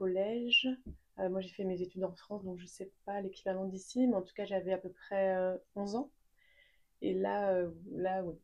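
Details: Adult woman speaking French who has stuttered since age 3; stuttering.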